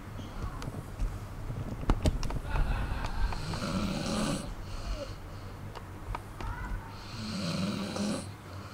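Soft, irregular snorting snores with each breath from a sleeping dog, quiet room noise behind.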